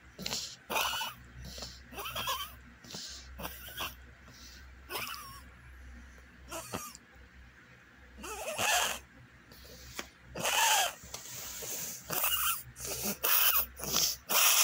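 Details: Dog wheezing: harsh, hissing breaths with a faint whistling edge, fitting narrowed airways.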